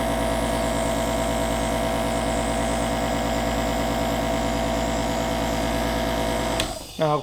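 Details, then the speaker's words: Invacare Stratus compressor nebulizer, just serviced with a new filter, running a demonstration nebulizing water into vapor: steady buzzing motor hum, then a brief clatter at the end. "okay let's get this started now as you notice it's vaporizing nebulizing the the water and turning it into a vapor"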